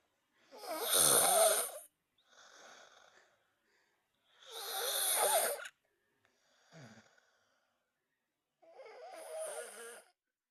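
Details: Loud harsh snores alternating with softer breaths, about eight breaths a minute, with quiet pauses between; snoring.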